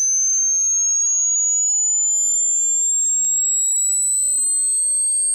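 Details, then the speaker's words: Hearing age test, headphones suggested: a pure tone sweeping steadily upward to very high pitch; the listener notes the on-screen number when they stop hearing it, giving their hearing age. "आपको बस आवाज सुननी है और जब आप सुनना बंद कर दें तो स्क्रीन पर नंबर देखें यह आपकी यरिंग एज है"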